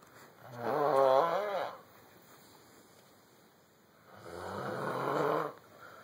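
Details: Snoring: two long, groaning, voiced snoring breaths with a moaning quality, separated by a few seconds of quiet.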